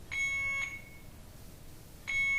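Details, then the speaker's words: Alaris IV infusion pump occlusion alarm, "occluded patient side", during instructional demonstration: two loud, shrill electronic beeps separated by a pause; alarm continues until the IV site is checked and corrected. "you read the screen it says occluded patient side okay so we have to look now at our IV site remember this is connected into the patient the alarms going to keep beeping until we correct this"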